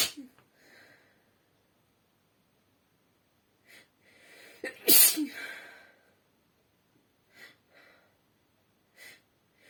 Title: Sneezing and blowing in hand (F)